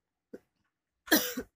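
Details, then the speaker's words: A seated ill adult with sore throat, painful swallowing, shortness of breath, cough and nausea gives one harsh, rattly, wet cough after a faint sound. It is a productive cough that usually brings up saliva or phlegm. "biasanya memang mesti ada yang dikeluarkan seperti ya berbentuk ludah atau dahak ya, tapi nggak tahu keluar apa enggak, beliau yang tahu."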